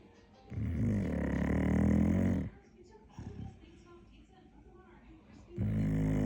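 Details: Dog snoring at bedtime, with two loud, low rumbling snores separated by a quieter pause and faint background music; snoring in sleep.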